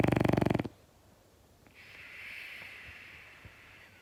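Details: French Bulldog snoring while asleep: a short burst of rapid fluttering snorts, then a faint whistling breath.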